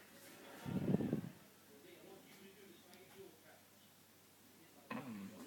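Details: Sleeping dog, eyes and mouth open but fast asleep, gives a single low rumbling snort, then quiet breathing and the start of another snort: normal snoring, possibly while dreaming.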